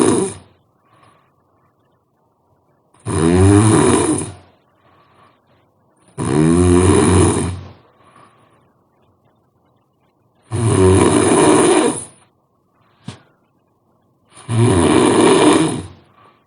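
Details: Five loud, rough, rattling snores on inhalation, about 16 a minute, with quiet pauses between breaths.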